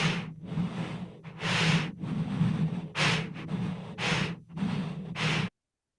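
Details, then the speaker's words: Canine auscultation simulator played through a stethoscope, with loud, harsh breath sounds in regular cycles demonstrating heavy breathing, contrasted with normal and faint breathing; heavy breath sounds. "You can hear that sound through the stethoscope is what you would then hear of that breathing. Now, if I try it with some, the differences from heavy and faint."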